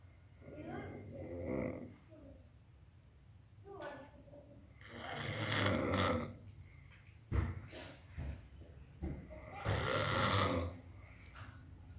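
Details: Loud, rough snoring breaths with snorts, irregular, about 14 breaths a minute in a quiet room.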